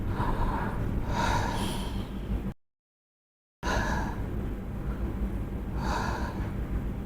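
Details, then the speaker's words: Child under 5 sitting upright, taking an asthma inhaler dose through a spacer with a face mask sealed over nose and mouth: about 10 gentle in-and-out tidal breaths, soft and airy, after the inhaler is pressed. "மாதிரி 10 times breathe in breathe out, breathe in breathe out ஜென்டிலாக பண்ணிவிட்டு எடுத்துடணும்."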